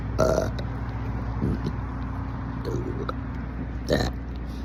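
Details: Two loud, drawn-out burps with a steady low hum of background noise; burping.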